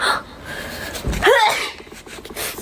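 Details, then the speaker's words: A sharp gasping inhale, then a single explosive sneeze in a small indoor room; allergic sneezing, which the sneezer suspects comes from pollen on a cardboard box. "やばい。またくしゃみがやばいよ。"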